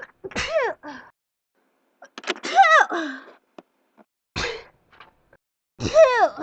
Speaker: this morning I was sneezing like crazy my allergies are really acting up I guess cuz of spring weather spring allergies here